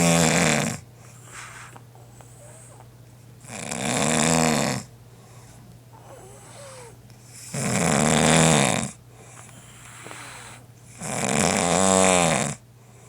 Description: I was not aware how I was snoring until it videoed